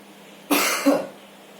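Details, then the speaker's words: Voluntary effective cough during a nursing airway-clearance training demonstration: the patient breathes in, exhales, then gives one strong deliberate cough in two quick bursts to expel sputum and secretions. "Coba tarik nafas keluarkan lalu langsung batukan sekuat mungkin pak"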